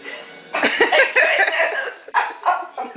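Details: Copycat sneeze on prompting ("go achoo"): a sharp explosive burst, then shorter bursts with voices in background; sneeze.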